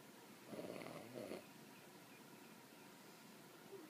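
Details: Adult recording own snoring, described as mild: two soft rattling snore breaths close together, then quiet breathing over steady room noise; snoring.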